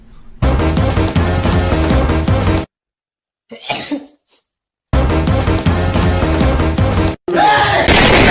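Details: A brief, sharp, noisy burst in a gap between stretches of loud pop music, fitting a single sneeze attributed to a BTS member.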